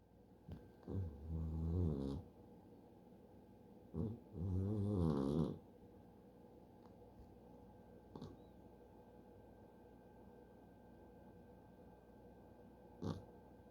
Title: In deep sleep and snoring again #shorts